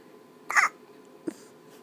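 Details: Baby hiccuping with mother at 3 in the morning: two short, abrupt squeaky catches about a second apart over quiet room noise; hiccups.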